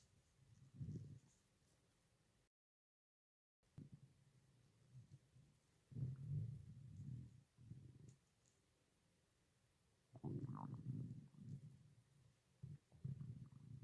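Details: Stomach growling: quiet low gurgles and rumbling bursts in a hushed room with a brief dropout; normal gut sounds (borborygmi).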